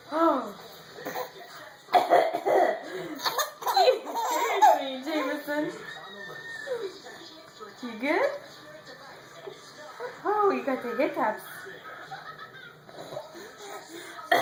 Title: laughing at mommy's cough.